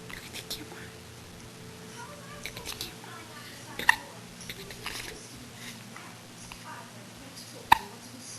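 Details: Infant girl with ordinary hiccups: two brief sharp hiccup sounds over soft room noise and voices; caregiver says her hiccups can last almost all day and she falls asleep with them.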